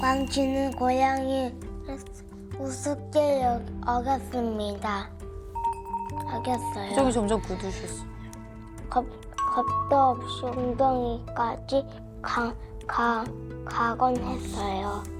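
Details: Second-grade boy with Tourette syndrome, also said by the clinician to have dyslexia and dysgraphia, reading a Korean passage aloud during a reading test; dyslexia (reading aloud).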